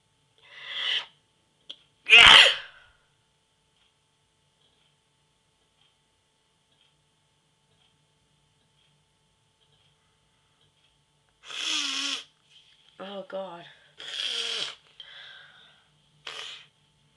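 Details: Self-induced sneezing using a "sneeze inducer": a loud explosive sneeze with short build-up, then after a long pause a run of about four more sneezes with gasping in-breaths.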